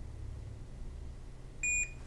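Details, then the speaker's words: Small animal ventilator (SAV04, pressure-cycled, T-piece) demonstration: after disconnection from the patient it detects no back pressure and sounds a repeating no-breath alarm, a sharp electronic beep over low machine hum. "after a while will sound an alarm to say no breath as you see the no breath alarm is displayed on the screen and we have a repeating alarm sounding"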